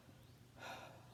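One soft, smooth breath through a stethoscope over the side of the chest, with no crackles or wheeze; normal breath sounds.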